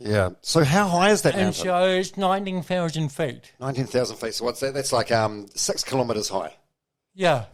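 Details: Adult male speaker; ordinary speech.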